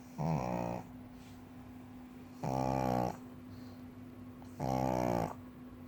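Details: Female pug, listed as four years old, sleeping on a cushion: three loud, rattling snores about two seconds apart, roughly 29 a minute, over a steady room hum; snoring in a short-nosed dog.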